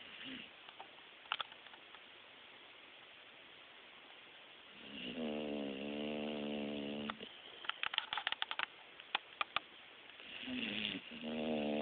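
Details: New bulldog snoring while asleep (also snores awake): slow, rattly, buzzing breaths, two audible, in noisy room with clicks and other dogs in background.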